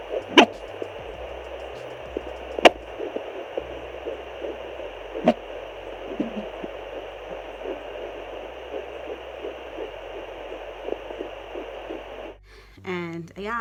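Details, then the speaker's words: Fetal heartbeat at 11 weeks 2 days of pregnancy via home handheld Doppler: fast, steady whooshing pulses with hiss and a few probe knocks; fetal heartbeat on Doppler. "i wanted to be able to check on my baby's heartbeat in between visits and i was able to hear the baby's heartbeat i will insert a clip"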